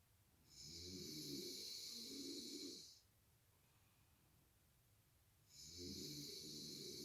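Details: Adult man snoring while asleep, waking his light-sleeper partner; two long, rattling inhaled snores with a whistling edge, separated by a quiet pause, in a quiet room; snoring.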